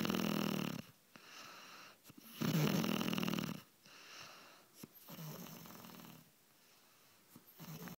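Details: Adult woman (wife) asleep: loud rough snores on inhalation alternating with quieter exhalations, a rasping low vibration with each breath; snoring.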